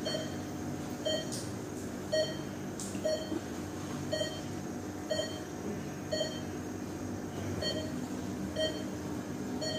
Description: patient monitor sound effects free - efek suara pasien monitor icu (noise)